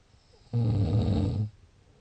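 A single loud, low, rattling snore lasting about a second.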